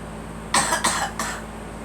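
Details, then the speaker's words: Three quick, dry coughs in close succession from a girl, with faint room hum; cough attributed to allergies. "lot of allergies out there today. Just let it all out. Your allergies."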